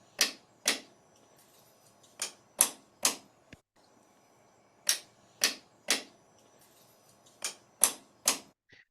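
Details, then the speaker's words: Sharp hard taps in short irregular clusters, about a dozen strikes, as a surgical mallet hammers on the knee during an operation; surgical mallet strikes on knee implant. "again it was quite easy to understand that it is hammering and not only that but to understand the exact second uh hammer hits the hits the knee"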